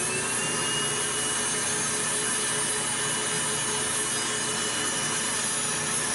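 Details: Routine preventive podiatry care: steady high-speed grinding whir of a rotary nail drill reducing average, not thick, toenails on the first foot, with faint background music.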